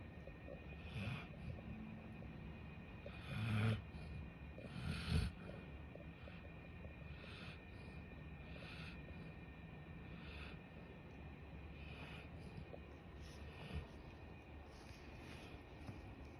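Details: Golden retriever snoring while asleep: soft, low, rumbling snores about every two seconds over a steady background hum.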